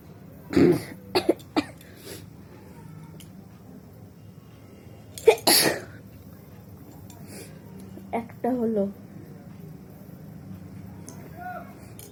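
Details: Person deliberately trying for 20 sneezes using a handkerchief, eyes watering: several sharp, explosive sneezes with brief speech between them in a quiet room; sneezing.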